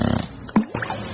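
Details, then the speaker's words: Loud snoring in a Russian TV segment on sleep apnea, which names loud snoring as the main symptom, with overweight, high blood pressure and enlarged tonsils as risk factors, and breathing pauses of 20 seconds to 2–3 minutes. "группе риска по этому заболеванию люди с избыточным весом повышенным давлением увеличенными миндалины но главный симптом громкий кран"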